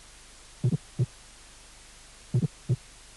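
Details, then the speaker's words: Fourth heart sound (S4 gallop) from a cardiac auscultation teaching course. "y cuarto ruido i i i"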